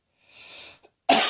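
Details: Adult who woke with a sore throat, possibly the start of a summer cold: a soft breathy exhalation, then one sharp, harsh single dry cough.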